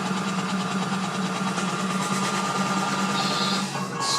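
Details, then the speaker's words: Comfort Cough Seoil Pacific SICC2001 mechanical insufflator-exsufflator (cough assist) with low-resistance filter and mask, in oscillation/percussion mode at a set frequency, reaching pressure 36: a steady mechanical hum with a fast fluttering pulse during inflation. "он будет работать таким образом заданной частотой достигаю давление 36 делать такие процедуры"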